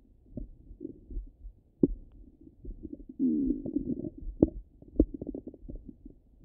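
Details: Ordinary stomach rumbling bowel sounds: low gurgling and bubbling with scattered sharp pops and a brief squeaky run.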